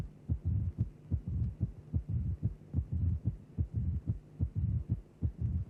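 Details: Simulated heart at about 73 beats a minute with a low rumbling murmur in diastole, separate from both heart sounds: mid-diastolic murmur of mild mitral stenosis, following the left atrial to ventricular pressure gradient.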